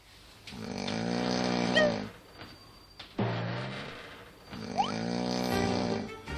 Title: [CLIP EP4] wakes everyone up with his snoring.丨Back to Field S5